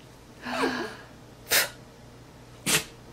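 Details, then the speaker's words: Dog sneezing, prompted by the owner making a sneezing sound: a snorting, whining intake followed by two short explosive nasal bursts about a second apart. "hey buddy let's show everybody how easy it is to make you sneeze"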